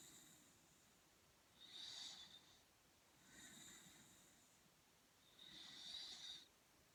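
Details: Light snoring: soft, hissy breathing noises in slow cycles, about three in seven seconds, with a faint whistling quality.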